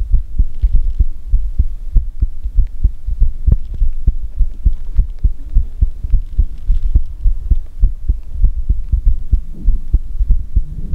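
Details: ASMR recording: steady low thumping paired lub-dub beats at roughly 110-115 a minute, muffled and close-miked; normal heartbeat.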